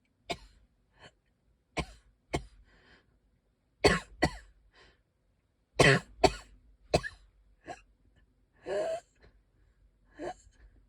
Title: I can hardly breathe- wheezing, coughing